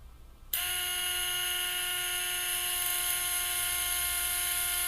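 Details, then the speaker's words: Surgical power drill with a steady high-pitched motor whine, drilling the distal row of locking rafting screw holes to engage the anterior lip. This is during anterolateral distal tibia plate fixation, through an anterolateral approach, for a distal tibia fracture. "we will begin first with drooling the distal row again these will engage the anterior lip"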